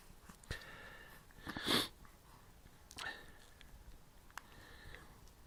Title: to sneeze :)